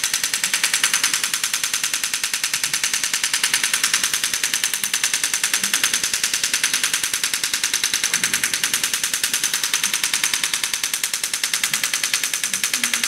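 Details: STORZ MASTERPULS extracorporeal shock wave therapy unit treating horse lameness: rapid, very regular sharp clicking pulses, about 200 a minute.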